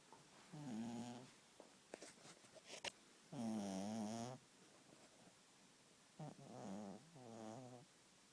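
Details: Little beagle sleeping on a couch making tonal, wavering snores on each breath, with soft rustling between; ordinary harmless dog snoring.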